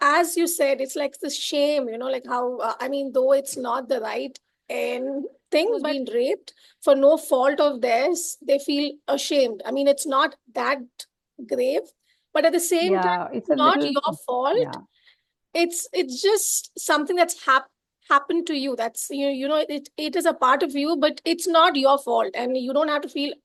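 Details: Adult woman who has stammered since early childhood, extremely pronounced early on and now cyclical with fluent phases, with blocks and P and T syllables hardest: stuttering.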